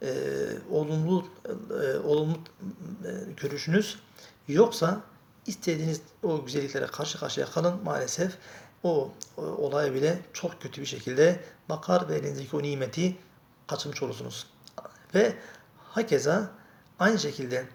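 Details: Stuttering in a Turkish-speaking male who says he lives with a speech problem and used to fear getting stuck while speaking.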